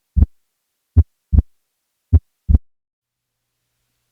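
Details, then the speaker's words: Slow heartbeat near 50 a minute; split second sound with a loud pulmonic component, suggestive of pulmonary hypertension: loud P2. "However, a P2 that is louder than A2, or one that is easily audible at the apex, is suggestive of pulmonary hypertension. Take a listen here."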